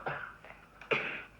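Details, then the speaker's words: Young boy, recently unwell, demonstrates coughing into his elbow to avoid spreading germs: three short, slightly muffled voluntary coughs, the last one loudest, in a small room. "if we can cough like that what happens we don't spread germs that's good isn't it give us a thumbs up cough like that into your chicken wing go again"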